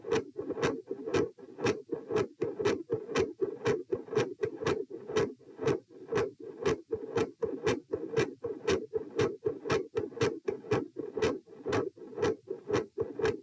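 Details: Heart sounds recorded at position p during sitting to standing: regular, with a consistently loud S2, a variable S1 and episodes of murmur.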